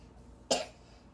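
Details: Single short, dry cough from a young daughter in a quiet room in the morning after waking; parent treats her cough with Vicks.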